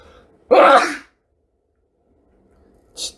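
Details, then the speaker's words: Sneeze from a K-pop idol: a single loud, explosive sneeze with a sharp burst of air, then silence and a faint sound. "진짜 미안해요 아 요즘 환절기인가요 여러분"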